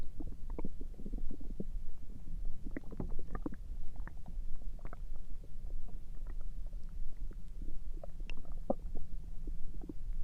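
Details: Stomach noises recorded through the night: low gurgles and rumbling bursts from the abdomen, typical bowel sounds (borborygmi) of gas and fluid moving.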